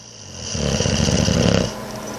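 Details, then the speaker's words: Boxer dog, awake and looking around, makes a loud, rough, rumbling breath noise that swells and fades over about a second; snore-like noisy breathing, snoring while awake. "Was you sleeping? You're snoring even though you're freaking wide awake."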